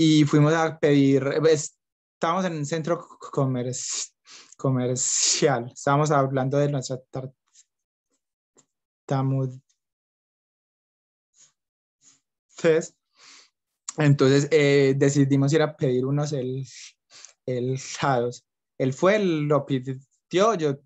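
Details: Young adult man who stutters and reports blocks and facial gestures when speaking, speaking Spanish; stuttering.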